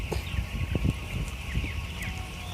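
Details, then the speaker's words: Brief rattling, snore-like noises from broiler chickens in a closed house over steady fan noise: respiratory rales ("ngorok"). "Nah itu dan terdengar suara ngorok itu ya"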